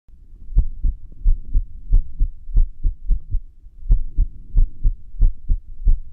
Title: 不整脈心音 irregular heartbeat sound